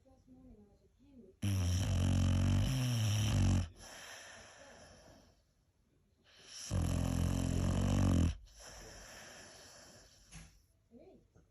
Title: Funny 😄 hilarious 😂 snoring sounds noises